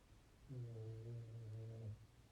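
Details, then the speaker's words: Snoring from a tired pet or companion named Boo, heard during a gentle yoga session with talk over it; snoring. "Boo, are you so tired? Can you hear her? You're snoring, Boo. That's so cute."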